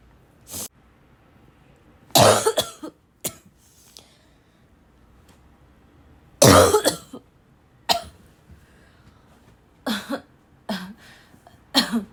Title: choking on my cough